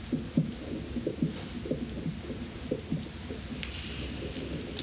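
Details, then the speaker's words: Manual blood pressure measurement with an electronic stethoscope: soft low tapping Korotkoff sounds appear as the cuff slowly deflates, first sound marking systolic pressure, fading until no more sounds. "so there we have it what your no that we inflated the cuff we heard a little bit of sounds beforehand then we heard no sounds and as we started to release the cuff we we had the first cor cough sound which is the systolic blood pressure"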